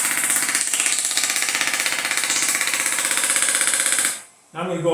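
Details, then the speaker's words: Shockwave therapy handpiece at 16 impulses per second on the feet of a neuropathy patient to break up adhesions: rapid, steady rattling taps, then a brief pause. "So, this is shockwave therapy. It's sound waves. There's a little piece in here that goes back and forth really, really fast."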